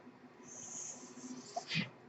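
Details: Noise of the speaker's own mechanical ventilator, heard during a podcast recording.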